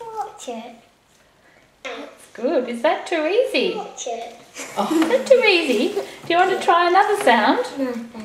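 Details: Adult woman speaking to a child; Typical adult speech.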